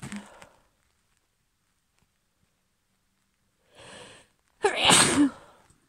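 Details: Sneezing: a female at the end of a cold, who woke up sneezing, gives a sharp inhaled buildup then one forceful sneeze, with a softer breath at the start.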